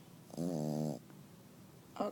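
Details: Sleeping French bulldog snoring heavily: a single loud, buzzing snore lasting about half a second, then quiet and the start of another.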